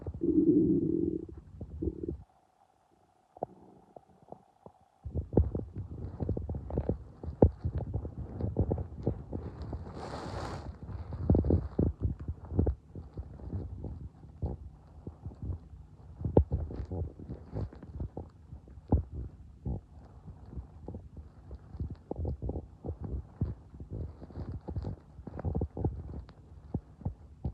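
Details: Bowel sounds (borborygmi) from an adult's abdomen, heard both when hungry and after eating: frequent low gurgles, pops and rumbles typical of active bowel sounds.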